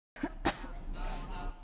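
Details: Two short, harsh cough bursts from an adult in an acted skit, followed by a brief voiced sound: plain cough.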